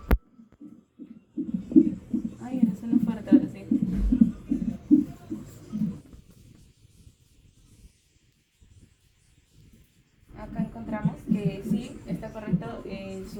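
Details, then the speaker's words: Doppler fetal heart sounds during a pregnant woman's exam. The fetus is cephalic with its back on the mother's left, and her legs are swollen. Rapid, rhythmic whooshing pulses fade briefly midway then return: a strong, normal fetal heartbeat. "Ahora haremos ahora realizaremos como actualmente se hace que es con el dopler. Si nuestro establecimiento tiene doparo para ubicar lo que son sus platidos."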